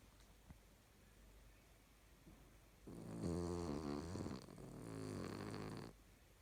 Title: Snoring Dog